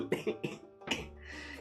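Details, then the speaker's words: Adult woman's cough that she says feels like the end-of-cold cough, though she now feels fairly well: three quick, short dry coughs then one stronger cough over soft background music. "I mean, it feels like just the cough you get like maybe you don't maybe maybe I'm speaking for you projecting here, but it feels like the cough that I get like at the end of a cold normally cuz again, I feel pretty okay now."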